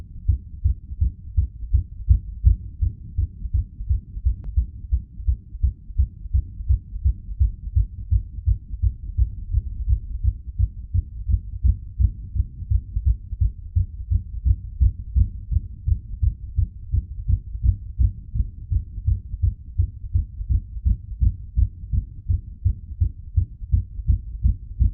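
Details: Heartbeat recorded while the person pressed on their heart using gravity: rapid, steady, low thumping, a fast but regular heart rate (tachycardia).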